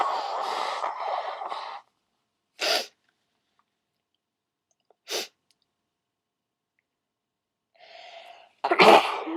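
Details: Several loud, sharp, wet sneezes, some preceded by an audible intake of breath, separated by silence, made on request: sneezing.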